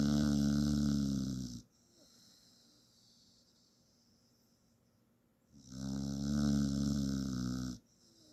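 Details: Misty, a 45-pound black and white female shelter dog, snoring while dreaming asleep: two long, loud, rattling snores with quiet breathing between.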